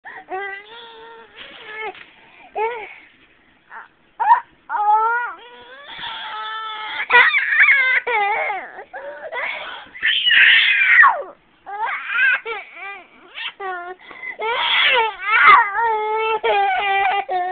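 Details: High-pitched, intense screaming of an infant after feeding with strained bursts that may be coughs or gags; later found to have breathing problems, episodes eased by nebulizer treatments: distress crying with coughing and gagging.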